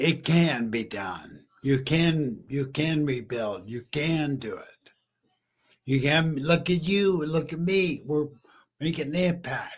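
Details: Aphasia in a male stroke survivor about 15 years after stroke and brain injury; he was once mute, is half paralyzed and uses a wheelchair.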